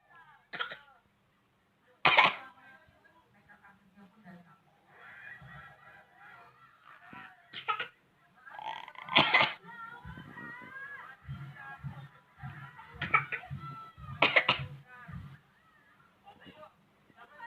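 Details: Baby making deliberate pretend coughs for fun, not from illness: short, playful acted coughs between babbling and vocal sounds; voluntary cough.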